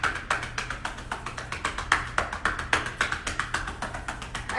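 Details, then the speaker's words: Home demonstration of chest physiotherapy by hand: rapid, steady hollow claps on the chest, about 220 per minute, to break up and drain mucus from the lungs; chest percussion. "all right again that is pretty much called chest physiotherapy basically it breaks up mucus in your lungs it mobilizes and drains the lungs"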